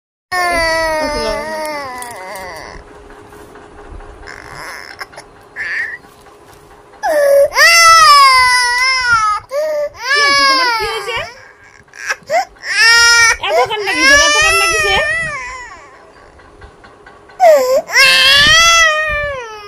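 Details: A baby cries hard in loud, strained wails with short gasping pauses over faint room noise; infant crying.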